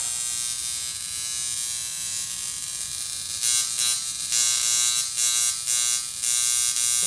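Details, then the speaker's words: Portable high-frequency skin wand with glass electrode, strength adjustable, applied to the forehead: steady high-pitched electrical buzz with crackly bursts. "turn it on you can turn it on switch it for stronger or a lighter strength i'll show you how it looks like with"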